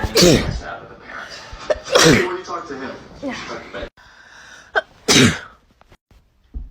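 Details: Sneezing compilation: three forceful sneezes, each a sharp burst with a brief intake of breath before, in a quiet room.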